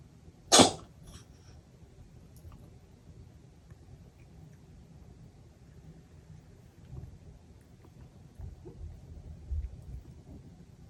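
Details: Cat Maru coughing, recorded to show the vet; coughing lasted about 30 minutes from 23:30 on May 20: one sharp explosive burst with a brief follow-up, then quiet room noise.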